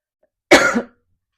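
A single short, harsh cough burst from an adult in a quiet room.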